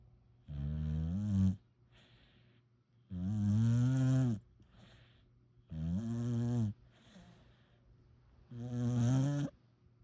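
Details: Sleeping puppy, tagged pit bull–Labrador mix, with four loud, low, drawn-out snores each about a second long and quiet breaths between, roughly 22 breaths a minute; snoring.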